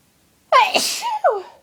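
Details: Adult with a cold having sneezing fits: a single loud, forceful sneeze with a voiced cry and a quick gasp afterward.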